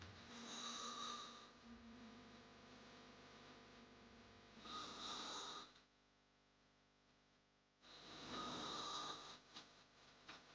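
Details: Snoring sound effect: loud, harsh, rattling hard snores in slow cycles, about 16 a minute, with quieter pauses between.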